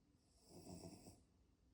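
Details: Sleeping dog snoring: a single low, rumbling snore that swells and fades over about a second, with a soft hiss behind it.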